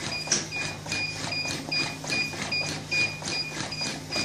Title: Automated CPR Machine